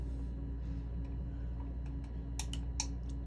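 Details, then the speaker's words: Laser tattoo removal patch test on the corner of the eyebrow, on brows microbladed 7 years ago with migrated, faded pigment: a few sharp snapping laser pulses over low room hum; patient rates pain 2–3 out of 10. "the patch test I'm going to do is going to be on the corner of the brow just over here I'll do a couple of shots and then I'll give you a mirror so you can take a look at what it's looking like"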